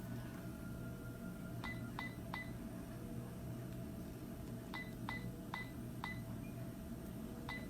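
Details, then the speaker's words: Smart infusion pump keypad beeps: short high beeps in quick groups over steady room hum as the pump is switched on and the care area selected, to program a bolus dose from a continuous infusion for post-intubation sedation. "so i'm going to turn on my pump go to my care area and i'm going to type in my"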